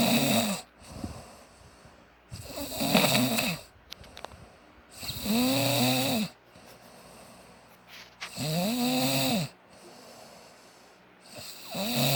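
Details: Snoring: loud, harsh rasping snores with a rising-falling tone, about four in twelve seconds, with quieter exhalations between.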